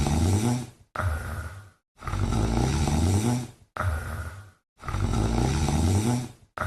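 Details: Female cat sleeping and snoring: gentle snores from a peacefully sleeping cat.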